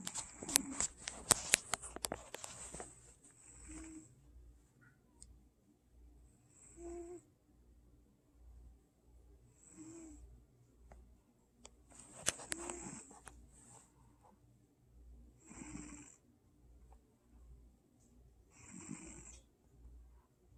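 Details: 11-year-old male cat snoring while asleep, soft regular rasping breaths about every three seconds, a harmless sleep sound.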